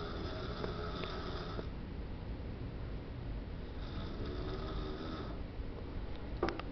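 Two long rattling breath sounds during sleep over steady low room rumble; snoring.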